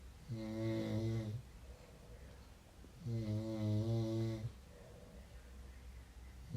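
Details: Two long, low, buzzing snores on inspiration, about 20 per minute, with quiet expiration between them; a man snoring.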